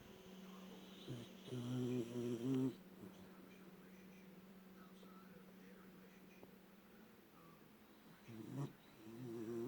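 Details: A 1-year-9-month-old Beagle snoring while asleep: loud, buzzing, slightly whistling snores in two bursts, with a long stretch of quiet breathing between them.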